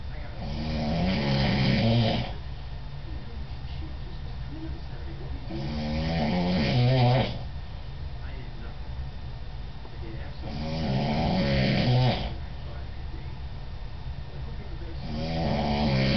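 Loud rattling snores on each breath in, about 12 breaths a minute, with steady room noise between them.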